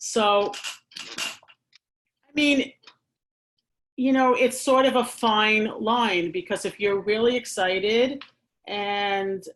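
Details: Adult woman who stammers, a speech therapist who uses pausing as a strategy, speaking conversationally; stuttering.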